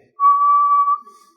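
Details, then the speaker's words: Simulated wheeze: a steady single-pitched whistle under a second, imitating the musical sibilant wheeze heard when asthmatic bronchi narrow from muscle contraction. "pues esto es cuando queda solo esto de luz en los bronquios es lo que pasa que la persona que está respirando incluso desde fuera se le Oye esos esos silbidos eso se llaman sibilancias que es un síntoma del asma"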